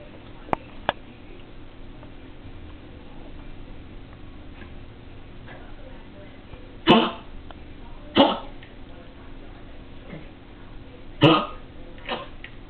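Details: Spanky, a dog with Bordetella (kennel cough), gives about four short, harsh, hacking coughs.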